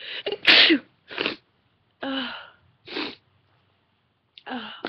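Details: Induced sneezing in a woman, recorded on webcam: breathy build-ups, then sharp explosive sneezes separated by brief pauses with quick inhaled catches, becoming very intense at the end.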